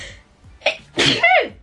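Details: A girl with a runny nose, asking for tissues, gives a quick in-breath and then a single sharp, high-pitched sneeze. Sneezing.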